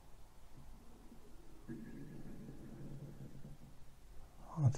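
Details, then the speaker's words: A soft, low gurgling rumble lasting a couple of seconds in a quiet room, which the speaker says is his stomach and attributes to being relaxed and calm: stomach rumbling. "you hear that that was my stomach it's because I'm more relaxed oh calm"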